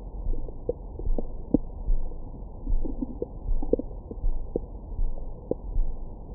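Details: Abdomen recorded with a Stemoscope stethoscope microphone after a large meal: irregular low gurgles and brief squeaks over a muffled background, normal bowel sounds.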